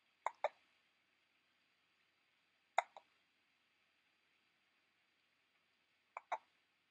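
Three paired, abrupt throat clicks spaced a few seconds apart in a quiet room, consistent with hiccups.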